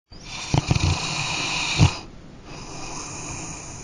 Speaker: ever wake up to this we call that snore the humpback whale while snoring can be a funny topic it can also be a sign of sleep apnea a serious medical condition